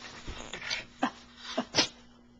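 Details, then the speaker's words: Dog, possibly with a cold: quick run of several short, forceful sneezes with snorting breaths between them; repeated sneezing. "have a cold oh goodness yeah goodness he's sneezing sneezing"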